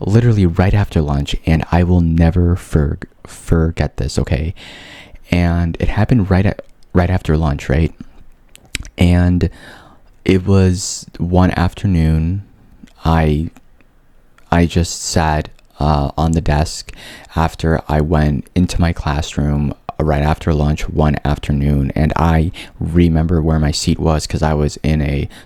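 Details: Adult man with stuttering since 5th grade, mild and covert, worst in 11th grade; he says he is unusually fluent here; stuttering.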